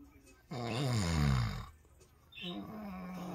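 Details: Husband snoring while asleep: a loud, deep, rattling snore on the in-breath, then a quieter buzzing breath; ordinary snoring.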